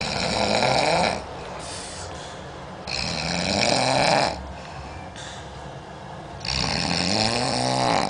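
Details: Sleeper said to sound like a big old pig, recorded in Lambari: loud, rough rattling snores on each in-breath, about three in eight seconds, with quieter breathing out between; ordinary heavy snoring.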